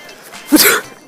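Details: Simulated wet sneeze for a street prank, made with a sneeze sound and a water spray bottle: a single loud, wet, spraying sneeze burst, with a bystander reacting.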